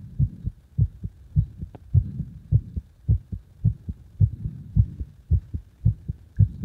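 Strong, thumping paired heartbeats, steady at roughly 55 beats a minute, with a faint hum between them: a forceful, regular heartbeat.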